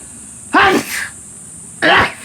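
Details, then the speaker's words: A sneeze heard during a podcast recording; the person says they sneezed up bits of ramen while eating. "What did that sound like? I just sneezed up bits of ramen."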